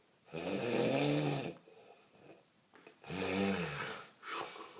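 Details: Horse snoring: two long, loud groaning snores separated by softer breathing.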